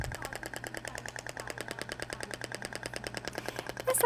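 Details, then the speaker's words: Thork shockwave therapy applicator used statically on a gelled area at a lower 10 Hz frequency: rapid, even clicking pulses, about ten per second, with a low hum beneath. "então a frequência de 10 uma frequência menor então o barulho é um pouco distinto do outro tá"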